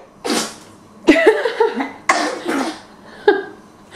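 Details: Four sharp, explosive sneeze-like bursts with a brief voiced catch, about a second apart, spoken "a chew" sneezing.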